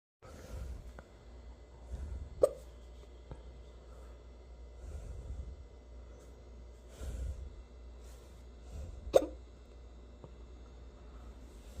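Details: Hiccups on New Year's: two sharp, loud hiccups about seven seconds apart, with fainter catches and soft breathing between them.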